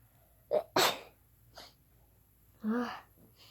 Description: Im sneezing in bed i have my tissous / with me and my hankerchif